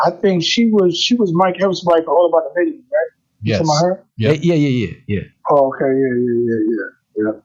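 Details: Adult male rapper with self-described bad stuttering running in both sides of his family (father, maternal grandfather); stuttering.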